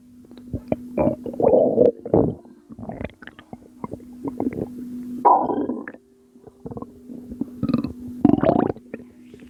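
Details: Postpartum mother's belly, recorded at 2 am; she attributes the sounds to postpartum water weight. Irregular gurgling and rumbling bursts over a steady low hum; stomach rumbling.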